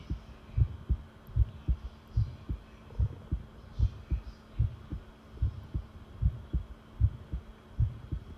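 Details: Long self-recorded heartbeat while listening to one's own pounding heart: steady, strong paired thumps at about 75 beats a minute with a faint hum behind; normal heart sounds.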